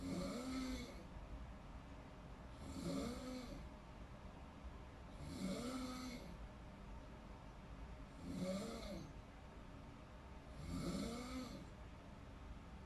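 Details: Person snoring in deep sleep: five steady, rumbling snores at about 23 breaths per minute over low room noise.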